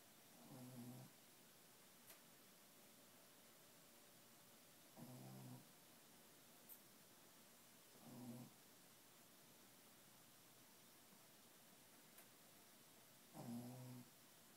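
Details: Shih Tzu dog sleeping after a hard day, snoring in four low, rumbling bursts, about 16 breaths a minute.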